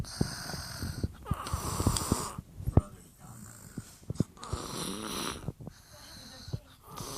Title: Snoring 2 yr old